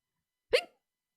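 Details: A single short, abrupt voiced catch in an otherwise silent clip during a livestream; hiccup.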